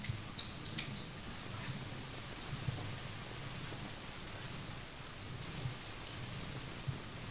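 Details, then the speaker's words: Tricuspid regurgitation murmur in a paediatric cardiology teaching recording: soft blowing systolic murmur over a noisy background, heard at the xiphoid/lower sternum, increasing with deep inspiration. "Mais si c'est situé à la xiphoïde, que ça augmente en inspiration profonde, à ce moment-là, c'est un souffle d'insuffisance tricuspide."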